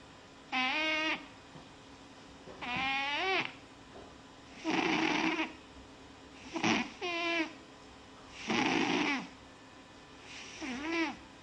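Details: Repeated high-pitched whistling, wheezy snores on the in- and out-breath from a sleeping animal, about six sounds in eleven seconds; snoring.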